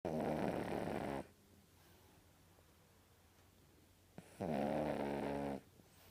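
Two long, loud, harsh snores about four seconds apart, with quiet between them; puppy snoring on breathing in.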